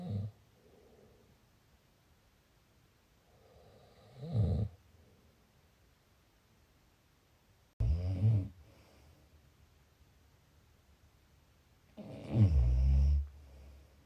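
Low rattling snores on breathing in, about 13 a minute at uneven intervals, in a quiet room.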